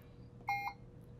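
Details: A short double electronic beep over quiet room hum as a Puritan Bennett 560 ventilator keypad confirms a setting change during volume-based mode setup; a normal device sound.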